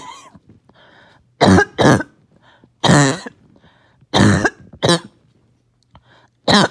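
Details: Loud, harsh, wet-sounding coughs, about six, with throat clearing between; first coughing fit of the day, mucus would not come up.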